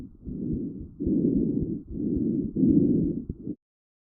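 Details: Child's lungs recorded with a StethoMe wireless electronic stethoscope: soft, low rustling breath sounds, louder on inspiration and early expiration; normal vesicular breath sound (vesicular murmur).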